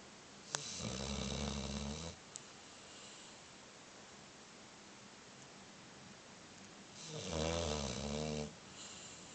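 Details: Snoring during sleep: two long, low rattling snores on inward breaths, separated by a quiet pause.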